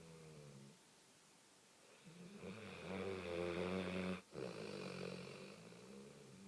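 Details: A rough, rattling snore rises and falls with each breath, louder on one long breath, in a quiet room: ordinary snoring.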